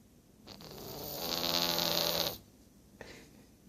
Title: Snoring Cat ~ Really Funny and Cute